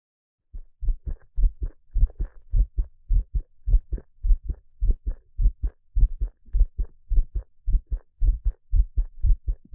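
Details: Steady, regular paired low thumps at about 105 beats a minute; a heartbeat presented as peaceful.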